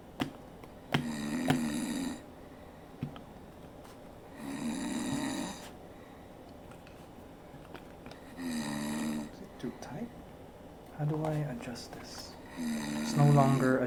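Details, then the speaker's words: Recorded snoring played back while testing ear muffs for sleep: loud, rough, droning snores on each in-breath, about four in fourteen seconds, with quiet pauses between. "it shuts off the noise uh however I can still hear the snoring"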